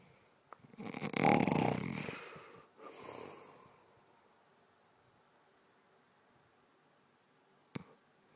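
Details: A single snore: one loud, rough, rattling inhalation followed by a softer airy exhalation, then quiet.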